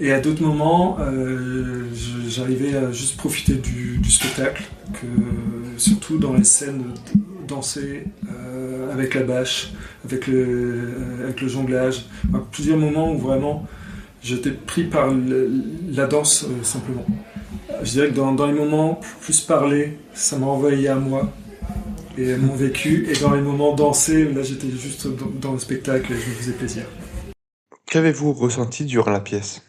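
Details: 46-year-old adult who has stuttered since childhood. Stuttering.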